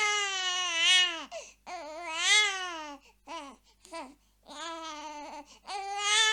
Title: Baby Sounds | Crying Baby | Sound Effect